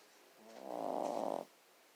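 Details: A single soft, fluttering, buzzy breath lasting about a second in a quiet room from a dog; light snoring.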